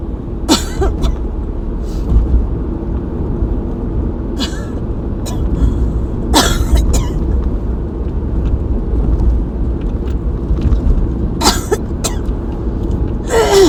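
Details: Several short, harsh coughs from an adult during an asthma attack, the first in a long while, over a steady low rumble.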